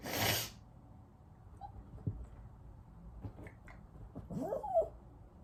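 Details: Person sneezing: a single loud, explosive sneeze at the start, then quiet room noise with faint small sounds.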